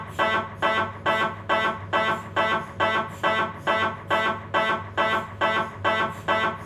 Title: MRI-Sounds Lower Spine, Philips 1.5T